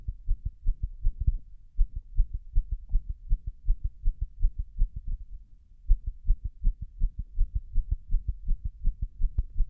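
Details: Irregular heartbeat (arrhythmia) recorded after 6 minutes of compression while standing against a wall: low, dull heartbeats with uneven spacing and brief pauses.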